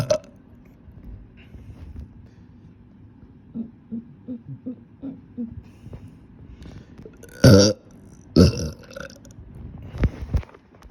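Several low gulping sounds followed by two loud, drawn-out belches and a shorter one; repeated burping.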